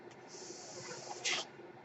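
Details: Mechanical ventilator that a podcaster says is his own, audible during his recording: a steady soft airy hiss followed by a brief louder rush of air as a breath is delivered, one breath cycle.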